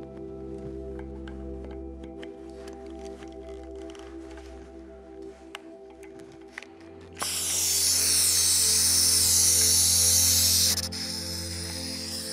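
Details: EMT skills demonstration of bronchodilator therapy on an adult male: a low steady room hum with clicks, then a loud continuous hiss as the oxygen-driven nebulizer starts at 15 L/min through a mask.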